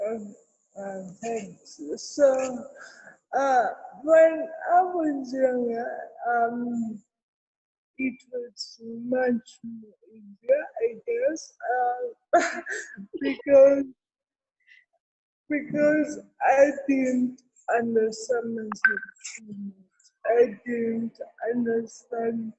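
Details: Adult woman with cerebral palsy, with dysarthria.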